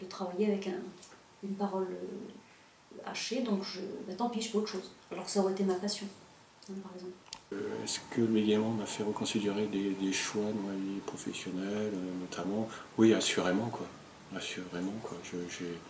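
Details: French-speaking working adult who stutters, in a real testimony about stuttering and the workplace; the speaker reports the telephone as a long-standing difficulty, and the transcript shows repetitions of 'je'; stuttering.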